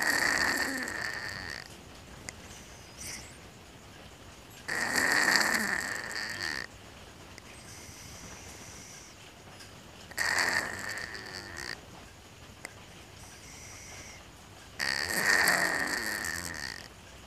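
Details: Sleeping cat with strange-sounding snoring: rasping, whistling snores, about 12 breaths a minute, each with a high squeaky whistle.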